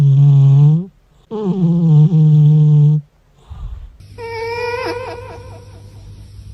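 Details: Sleeping cat snoring: buzzy, humming snores with short pauses between breaths, then a higher whistling, wavering snore.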